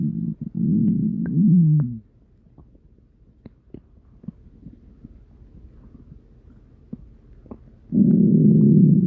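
Loud, low, drawn-out growls at the start and end, with faint gurgles and clicks between; typical stomach growling.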